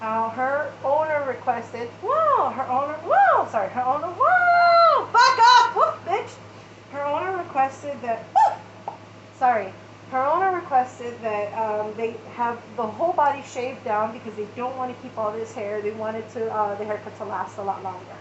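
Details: Adult woman with Tourette syndrome and ADHD, whose tics worsen after hyperfocusing; a vocal tic interrupts her speech; vocal tics (Tourette syndrome).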